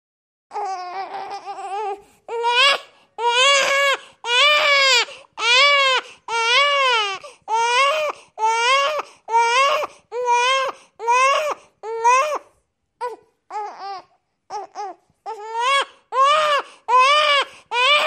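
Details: Newborn baby crying, a sound-effect recording: steady repeated wails, about one cry per second, in a quiet small room.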